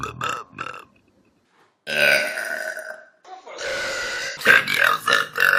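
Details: Burping from a compilation of burps: a series of loud, drawn-out, gurgling burps with short bursts between them; repeated belching.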